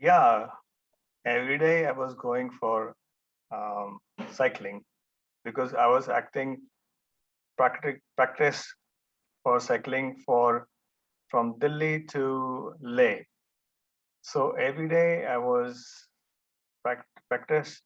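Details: Adult male stroke survivor; after the stroke he could not talk and no one understood him, was almost mute about one and a half years, did daily speech practice with a therapist, and speech remains a setback; post-stroke aphasia.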